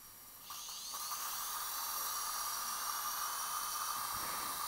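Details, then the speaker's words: 2 mm surgical twist drill preparing a freehand implant site in the socket of upper central incisor #21, extracted for a buccal fracture: quiet, then a steady high-pitched drill whine that holds; normal device sound. "okay as I mentioned we use the 2 millimeter twist drill okay"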